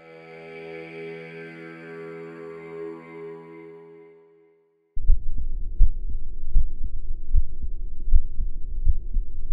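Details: Normal heart sounds recorded with a TAAL digital stethoscope: a brief musical tone, then steady low heart thumps at about 80 beats a minute in a normal rhythm.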